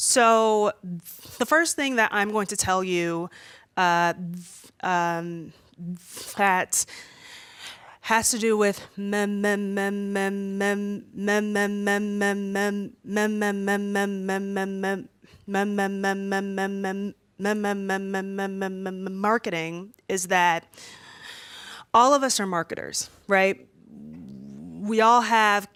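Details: 32-year-old woman who has stuttered since about age three, worse when nervous in front of an audience: stuttering (syllable repetitions).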